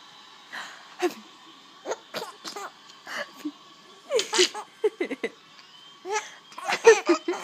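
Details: A baby laughs in short giggly bursts broken by sudden catching sounds: a baby laughing while having hiccups.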